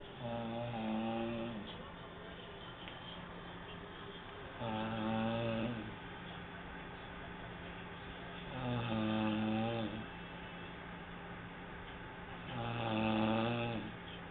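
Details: Person snoring, recorded on an HTC mobile phone: regular rumbling, voiced snores on each in-breath, about 15 per minute, with quieter breathing out between.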